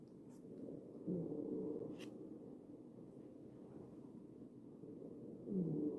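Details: Real ventilated patient, chest auscultated with a stethoscope; wheezing.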